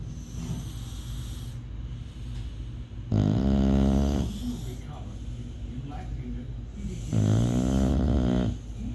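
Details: Snoring: two loud, deep, rattling snores on breathing in, with quieter snuffly breathing between them over a steady low room hum.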